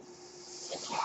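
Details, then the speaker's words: The speaker's own mechanical ventilator, heard during podcast speech: a soft steady airy hiss with a faint hum swelling into louder rushing air as it delivers a breath. "Hello, everyone. That noise here is my ventilator."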